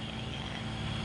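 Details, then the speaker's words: Running nebulizer compressor, steady mechanical motor drone with low hum and faint whine, during a nebulizer treatment for someone with a mild cough and chest congestion. "may konting ubo may konting Halak na yan kung kailangan lang niya Guys mag neiz kami"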